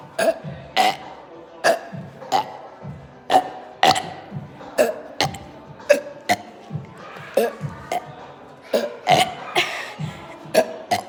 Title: y’all wanna see my burping video ￼